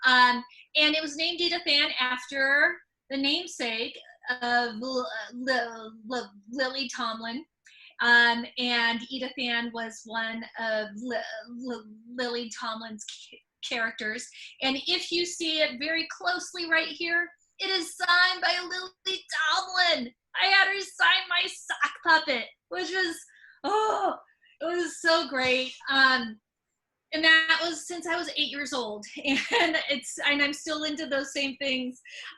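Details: Stuttering, mostly repetitions and sometimes blocks, in an adult woman who stutters, speaking spontaneously.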